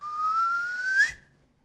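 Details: Person with Tourette syndrome; a whistling vocal tic. Whistling vocal tic.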